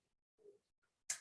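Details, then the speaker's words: Joint during full rotation in a warm-up exercise, 30 circles each direction: faint low crunch then a sharp click, attributed to small calcium deposits, not age; ordinary, harmless joint crepitus. "now it's perfectly normal to get crunches and crackles in fact even as a child when i did this exercise i got the same"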